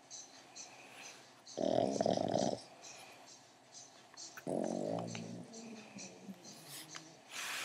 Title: otis snoring